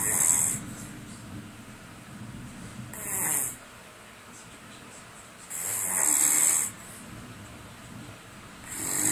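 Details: Charlie snoring while asleep on a weekend away: loud, rasping snores recurring about every three seconds, each a noisy hissing rush separated by quieter breathing; ordinary snoring.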